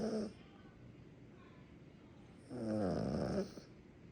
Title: Snores like old man 💤💤💤 #yorkielife #funnydogs #cutedogs #cute